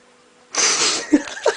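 A single loud, explosive burst of air with a brief breath-in before it; one sneeze.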